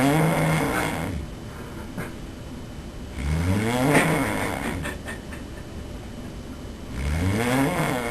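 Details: Loud, rattling snores on each in-breath, about 17 per minute, with quieter breathing out between them, from a sleeping person filmed by a roommate; habitual loud snoring.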